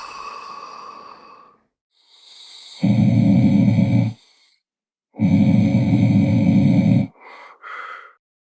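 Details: Snoring sound effect: two loud, rattling, low buzzy snores on breathing in, separated by softer breathy exhalations.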